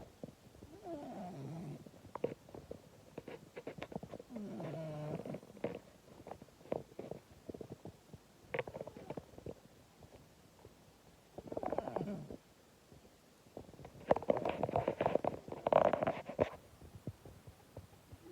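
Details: Female cat snoring loudly enough to wake her owner: irregular rasping, whistling breaths and soft snores with intermittent louder bursts while asleep; snoring.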